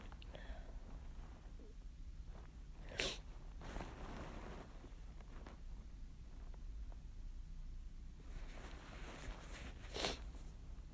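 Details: Two forceful explosive sneezes several seconds apart, deliberately induced with sneezing powder, with faint rustling and a low background rumble; sneezing.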